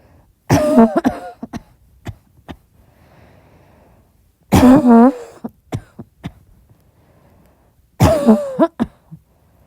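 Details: Soft coughing at midnight in a quiet room: three short bouts of a few quick coughs each, with small throat sounds between.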